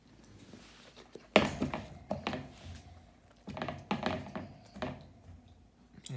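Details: A female dog gives several short, harsh hacking cough bursts in a quiet room; the cough is thought to be either kennel cough or a heartworm treatment side effect.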